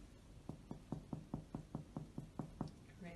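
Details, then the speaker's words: Simulated respiratory exam teaching demonstration: chest percussion from supraclavicular fossae left to right, then directly on the clavicles; about ten evenly spaced hollow taps giving a normal resonant percussion note over air-filled lung. "so for percussion I will start in the supraclavicular fossa are always completely left to right resonant resonant and for the clavicle I will focus directly resonant resonance"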